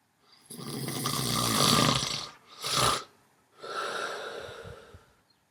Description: Man asleep and snoring loudly, with the best, most animated snore, right at the end of the film.